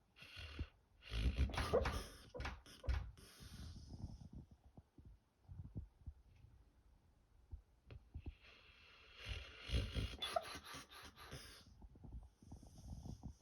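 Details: Dog snoring while asleep: rough, rattling snores in two long bursts separated by quieter snuffling breaths.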